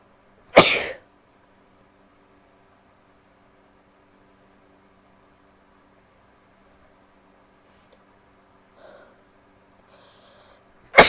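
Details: Woman sneezing: a sharp, loud sneeze, quiet stifled sounds, then another sneeze starting at the end, in a quiet room.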